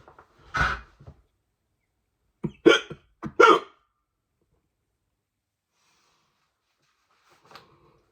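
Several loud, abrupt hiccups in a quiet room, irregularly spaced with long pauses between them; repeated involuntary diaphragm spasms.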